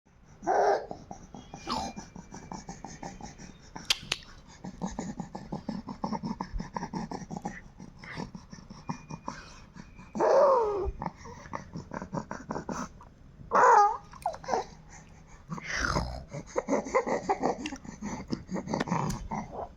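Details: Infant with cough and cold; noisy congested breathing with squeaky wheeze-like sounds and some babbling vocal noises.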